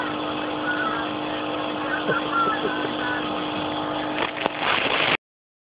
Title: Kitty vs Nebulizer